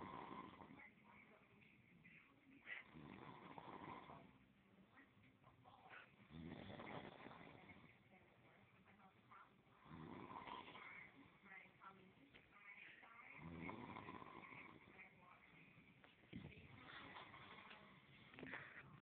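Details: Faint, rough snoring breaths rising and falling about every three seconds, muffled by heavy background noise, recorded on an Android phone: snoring.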